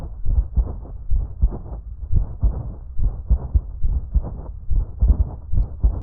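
Dry, scratchy, grating bursts repeat with every heartbeat, several per cycle, at about 70 a minute: a pericardial friction rub.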